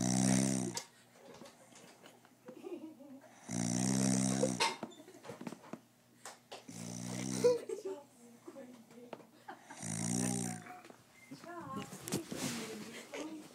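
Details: Snoring blamed on alcohol: four loud, rough, buzzing snores on inhalation about every three seconds, with quieter breathing noises between them.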